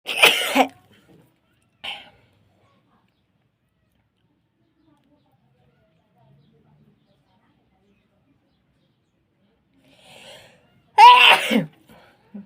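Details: Two sharp explosive sneezes separated by quiet, with a faint breath-in before the second, induced by tickling with a feather.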